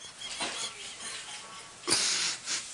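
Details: Adult in a small room giving breathy, hissing bursts of wheezy laughter, a sign of narrowed airways; wheezing.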